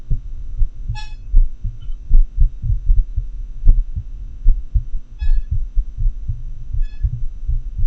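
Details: Heart sounds recorded with a homemade customized funnel-microphone setup digitized via computer sound card: low thumps at about 76 per minute with irregular spacing, faint electronic tones; atrial fibrillation.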